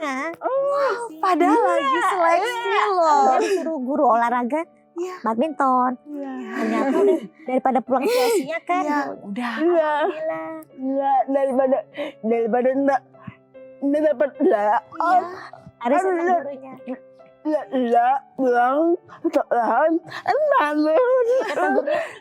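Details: Young woman with cerebral palsy from birth; could not speak at first, improved after therapy; dysarthria (cerebral palsy).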